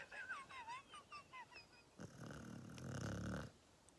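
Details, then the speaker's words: Sleeping puppy after a cuddle: soft whines and squeaks, then a drawn-out low rumbling snoring breath. "my favorite has been all three of them are snoring oh my God"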